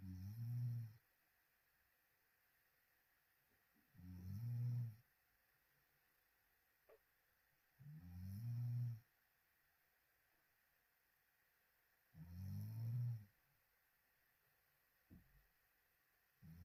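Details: Sleeping person on a live sleep stream snoring with open mouth: loud, low, rumbling snores recurring about every four seconds, roughly 15 breaths a minute, with quiet pauses; snoring.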